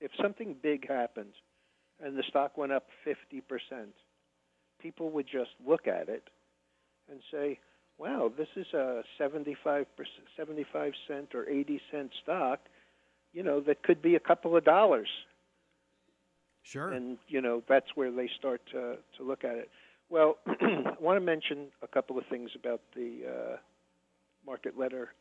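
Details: Adult male speaker; normal voice.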